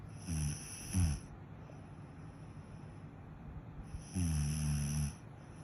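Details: Ordinary snoring during sleep: two low, rattling snores about four seconds apart, with quiet breathing between them.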